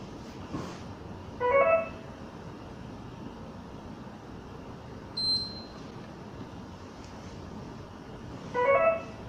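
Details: Intravenous infusion pump operating sound: repeating short rising electronic tone sequences and a brief high beep over steady room hum.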